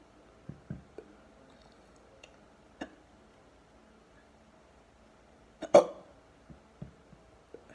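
Repeated short, abrupt, low gulping catches at irregular intervals, one louder than the rest, in a quiet room; hiccups.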